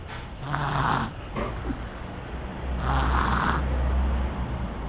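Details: Girl aged 1 year 4 months snoring heavily while asleep: loud, low rumbling snores on breathing in, with quieter breathing out between.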